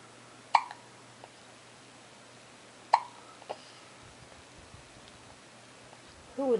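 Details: Hiccups in a person (Simon) in the morning, appearing grumpy: two or three sharp, abrupt hiccups over several seconds in a quiet room.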